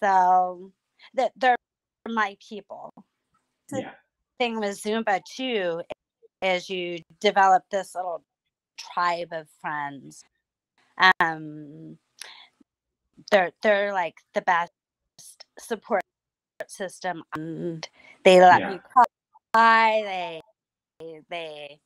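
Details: Aphasia in an adult female stroke survivor, about nine years after two hemorrhagic strokes caused by a carotid artery tear; she lost speech and relearned talking with a speech pathologist using singing.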